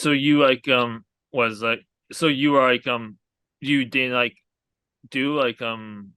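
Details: Aphasia in an adult man after a hemorrhagic stroke from an arteriovenous malformation at age 20.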